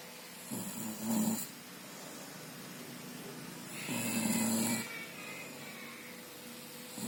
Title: Suara ngorok terdengar jelas